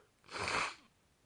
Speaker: my hey fever is terrible I just randomly start sneezing for some reason